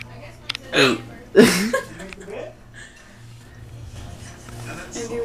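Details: Adult mother with hiccups: two sharp, abrupt voiced catches about half a second apart, then soft breathing over faint room noise; hiccups.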